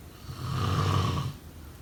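A single low, rumbling snore on one breath in, lasting about a second.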